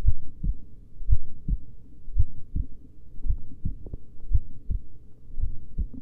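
Slow, steady paired lub-dub heart sounds at about 55 to 57 beats a minute.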